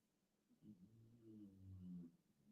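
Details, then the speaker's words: Dogs napping in an office, heard snoring peacefully and tiredly: snoring. "all right well the dogs are already saw on logs it was cleaning lady day so they they accompanied me to the office and you can hear them snoring peacefully in the"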